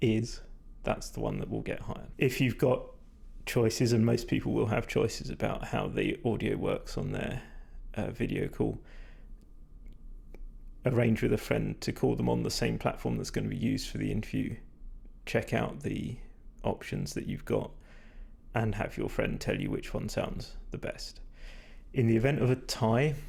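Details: Male speaker with vocal fatigue from prolonged talking without drinking enough, strained, creaky voice; he describes it as degraded, stressed and not at its peak condition.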